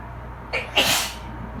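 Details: Adult sitting in the bath sneezing after cleaning with bleach, to which they say they are allergic: a quick indrawn breath then one forceful sneeze over steady room hum from a dryer and A/C.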